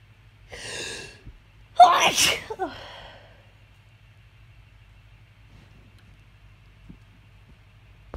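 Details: Morning sneeze after sleeping with windows open on a hot night: an indrawn breath, then one loud explosive sneeze with a trailing voiced end, followed by quiet with a low steady hum.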